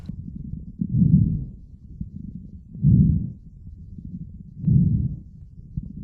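Low, bubbling, popping crackles over repeated breaths, typical of coarse crackles from secretions in larger airways.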